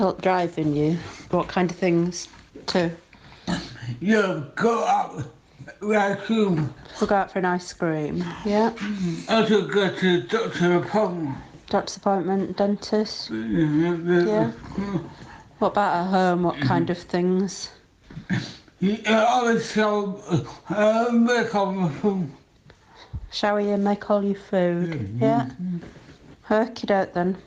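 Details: Dysarthria in a 46-year-old man with Huntington's disease, which has affected his ability to talk; his sister and carer's voice may also be present.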